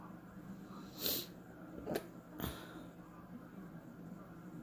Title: Morning hiccups